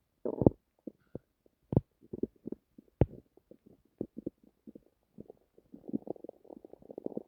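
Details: Bowel sounds (borborygmi) self-recorded from the person's own stomach while trying to sleep: irregular gurgles, pops and bubbling rumbles in a quiet room. This is ordinary stomach rumbling.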